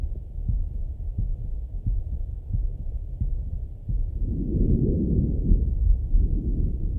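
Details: Male heartbeat auscultated with breathing: regular muffled heartbeats at about 90 a minute, with a breath sound rising partway through; normal heart sounds.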